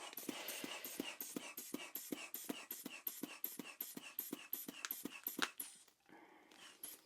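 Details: Simulated ASMR role-play emergency exam for suspected kidney infection: rapid rhythmic squeezing and hissing puffs, about 158 a minute, from a hand bulb inflating a blood pressure cuff on the second arm after a slightly high reading, then brief release.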